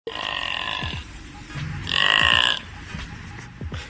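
Long, loud voiced belches, deliberately drawn out, with music in the background; voluntary burping.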